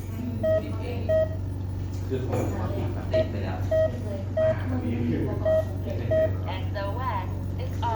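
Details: Keyhub 5-litre oxygen concentrator, SOS emergency call alarm activated: short repeated electronic beeps, roughly one every half second to second, over machine hum and some talk.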